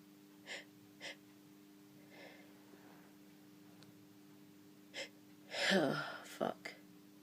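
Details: Sneezing during a developing cold: two short sharp inhalations, then a loud explosive sneeze with trailing bursts over a steady background hum.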